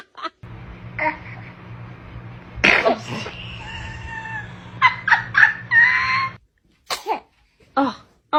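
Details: An infant sneezing a run of small, sharp sneezes with brief high-pitched vocal sounds between them, while an adult laughs and says bless you.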